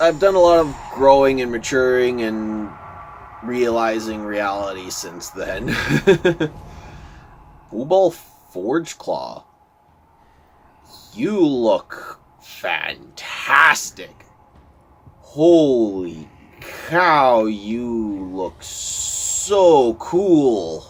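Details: Stuttering in a male speaker who says he stutters a lot; word repetitions are heard in this stretch.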